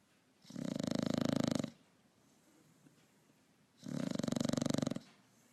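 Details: Pug, a flat-faced dog, sleeping on the couch, with two loud, rattling snores, each about a second long, separated by quiet pauses; snoring.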